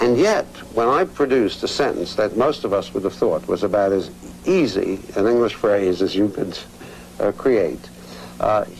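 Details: Adult man speaking; Normal fluent speech.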